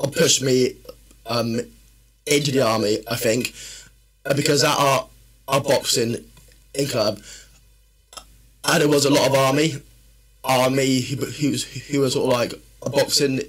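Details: Adult man, a personal trainer and former army medic, with a stammer since childhood that worsens when he is tired, stressed or nervous: stuttering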